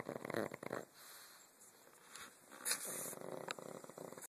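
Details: Sleeping dog snoring lightly: soft fluttering, purring breath noises in bursts; harmless snoring.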